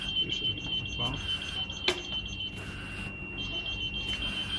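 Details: Steady high-pitched repeating electronic alarm tone from an SLE2000 neonatal ventilator, a pressure alarm going off while inspiratory/PEEP pressure settings are adjusted after alarm limits are widened.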